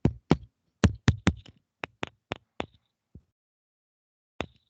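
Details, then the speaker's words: Resonant percussion note: a series of hollow finger taps from self-percussion over the first intercostal space, between ribs 1 and 2, during a semiology class demonstration; the normal sound of air-filled lung, in contrast to the dull note over the sternum. "¿Vieron que cambió el sonido? Sí. Va, ese sonido que escuchan es aire y se llama resonante, ¿de acuerdo?"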